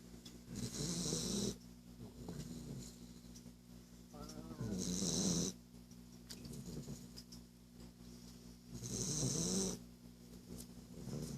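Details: Snoring from a Boston Terrier named in the video: slow breaths about 15 a minute, each with a fluttering rattle and hissing edge over a steady background hum.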